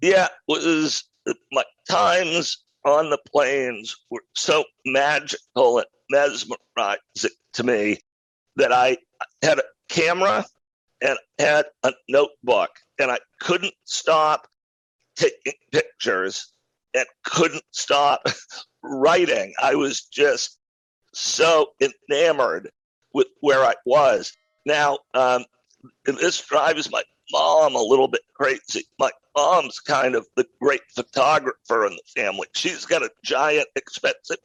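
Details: Adult male with a rare neurological voice disorder acquired in 2012 that made speaking difficult; partial voice loss over a roughly 10-year course, now speaking without pain though still audibly affected: spasmodic dysphonia.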